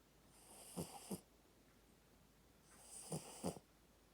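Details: Snoring puppy: two soft breaths, each ending in a pair of small snorting snore sounds; light puppy snoring in a quiet room.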